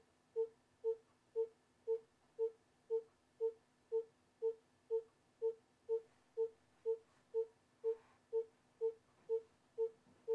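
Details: Simulated obstetric electronic fetal heart monitor: regular beeps at about 120 per minute, a fetal heart rate within the normal range.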